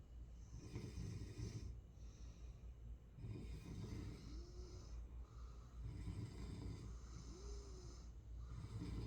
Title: Sleep Well #snore #night #rest #peace #snoring #goodnight